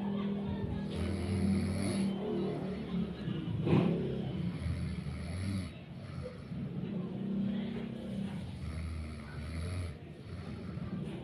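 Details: Person snoring in sleep from tiredness: low, rough rumbling sounds recur every few seconds with breathing, over steady room noise.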